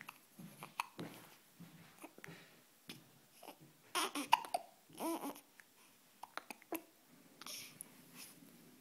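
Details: A baby with hiccups makes several short, sharp hiccup catches among soft babbling and breathing in a quiet room: hiccups.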